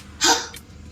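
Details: A young child's hiccup during a phonics lesson on a day with hiccups: a single sudden, sharp hiccup followed by a faint breathy after-sound.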